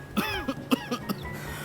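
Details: Four short, harsh acted cough bursts in quick succession with faint background music, a drama character with a persistent cough seeking lime and soy sauce as cough remedy.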